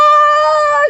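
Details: Adult woman with neurologist-diagnosed Tourette syndrome, vocal tics including screaming tics, pitch changes and involuntary outbursts, emerging while recounting a stressful event; vocal tic (Tourette syndrome).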